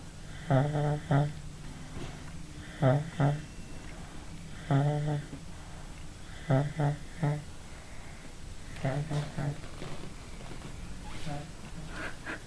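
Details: Dog snoring at the end of a three-hour nap in the dark: regular, deep, rattling snores about every two seconds, roughly 29 a minute, steady during sleep.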